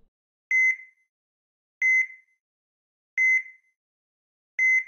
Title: EKG Monitor Beeps - Sound Effect